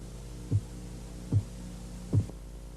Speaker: El primer sonido que va a escuchar es un leve golpeteo que señala la fase Korotkov 1. La fase 1 comienza con los 2 primeros latidos regulares y es la medición sistólica aceptada.